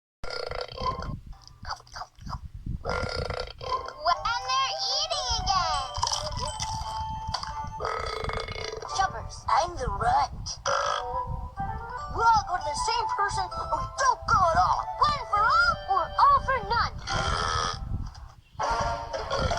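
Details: Loud belching sounds mixed with talk and background music; a string of burps.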